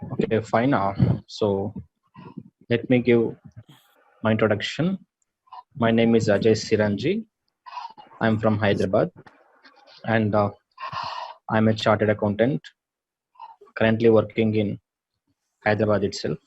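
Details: Adult male chartered accountant attending online stammering therapy, speaking English; stuttering.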